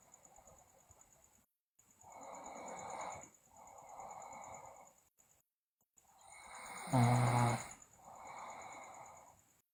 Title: Sleeping Girl Loudly Snore, Teeth Grinding, Delirious